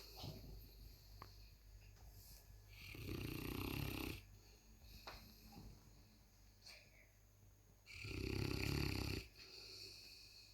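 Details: Loud snoring in a sleeping 155 lb Presa Canario cross puppy: two long, low, rattling snores about five seconds apart over quiet room noise.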